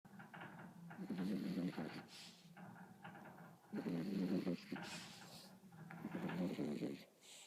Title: Cute snoring beagle